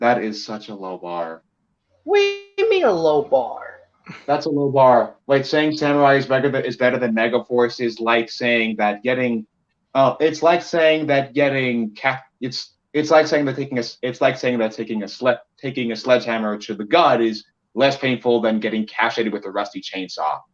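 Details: Male podcast co-host who reports having a bit of a speech impediment, type not specified; speech disfluency with stuttering-like repetitions.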